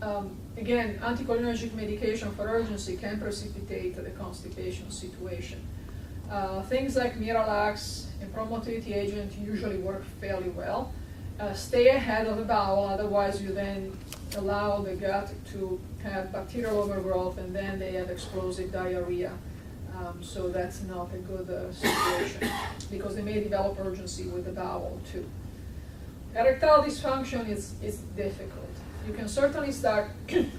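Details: Adult woman speaking; normal speech.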